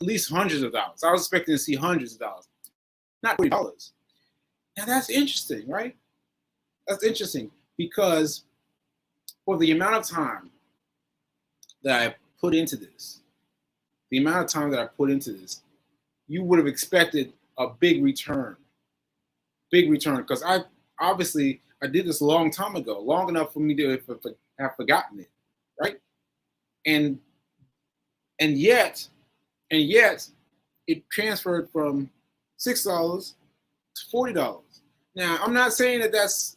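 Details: Aphasia in a man recovering from a stroke on 7/14/22, recorded 7/4/23; he says his aphasia makes things harder for him.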